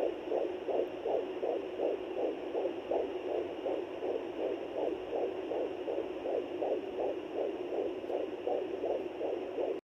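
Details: Fast, steady whooshing fetal heartbeat on handheld Doppler at 13 weeks 5 days of pregnancy, about 160 beats a minute, a normal rate.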